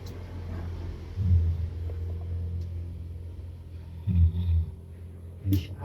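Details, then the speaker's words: Acted snoring in a comedy prank skit, as someone sleeping late is pointed out: three deep, rumbling snore bursts a few seconds apart over a quiet, humming room. "Eh, dengarkan dengkurannya. Suara dengkurannya. Dengarkan dengkurannya."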